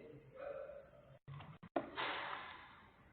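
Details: 10-year-old girl with laryngeal papillomatosis, one month after partial surgical removal of papillomas, voice slightly improved; dysphonia after laryngeal papilloma surgery.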